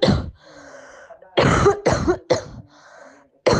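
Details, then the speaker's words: Adult with COVID-19 infection but no symptoms, recording used in an MIT study of AI cough detection; four short, forceful coughs that sound like an ordinary cough to the ear. "und so klingt ein corona infizierter der keine symptome hat"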